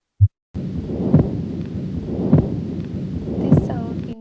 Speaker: This is the Early Diastolic Murmur